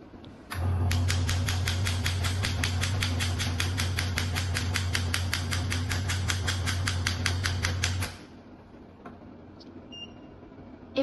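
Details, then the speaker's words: Shockwave therapy machine handpiece test-fired after setting frequency and energy: steady hum with rapid, regular sharp clicks, about 200 a minute, for roughly seven seconds, then stopping. "Now we test the shockwave handle. Set the frequency and set the energy. Flip it on and click start. Then press the handle button."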